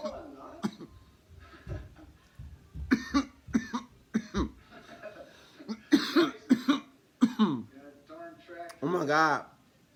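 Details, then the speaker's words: Man coughing after eating spicy chipotle, trying to hold it in, with a runny nose afterward: a fit of repeated coughs and throat clearing, partly held back. "that was spicy yo it's getting to me woo oh my God I could have hold it I couldn't I try to hold it in yo that that chipotle was spicy yo start coughing on camera"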